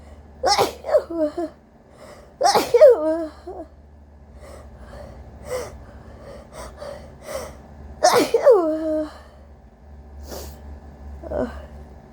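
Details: Person with a cold and a very congested, sensitive nose, deliberately induced: three forceful voiced sneezes with gasping in-breaths between, plus sniffs and breaths; repeated rapid-fire sneezing.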